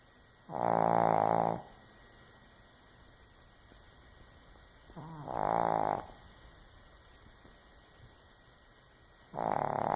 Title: snoring 2